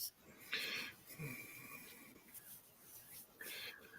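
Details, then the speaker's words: Dog, possibly with kennel cough caught at the vet this weekend (or a cold): harsh, raspy, snoring-like breathing bursts with a thin wheezy whistle between, coughing; earlier thought to sound like a hairball. "No, she got kennel cough, I think, from the vets. Or a cold."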